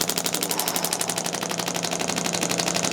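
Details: Radial shockwave therapy applicator on the lateral leg tendon of an adult male chiropractor with a running injury from ramping up training too quickly: fast, loud, steady machine-gun-like clatter of rapid pulses.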